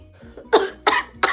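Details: Three short, harsh coughs in quick succession from a person who has been sick and suspects wheezing or pneumonia, faint music in background; cough.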